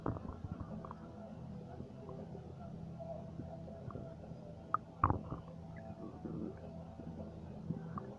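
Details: Stomach rumbling (borborygmi): quiet, low gurgling and rumbling with a couple of brief louder gurgles midway.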